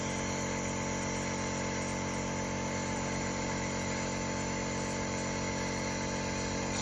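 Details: Nebulizer compressor running for a child with cough, using a mask: steady, continuous mechanical hum and buzz.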